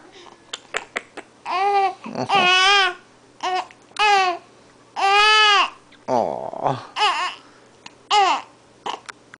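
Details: An infant with hiccups makes short fussy cries and babbles, with brief sharp catches between sounds; an ordinary infant fuss-cry.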